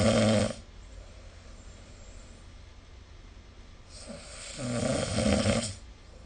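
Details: Two loud rattling snores separated by a few quiet seconds of breathing, recorded with the SnoreLab snoring app; ordinary snoring during sleep.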